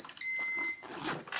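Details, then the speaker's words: Flocare Infinity enteral feed pump set up with Nutricia feed for a nasojejunal tube: short high-pitched electronic reminder beeps over room noise because start has not been pressed. "That's my pump beeping because I haven't pressed start."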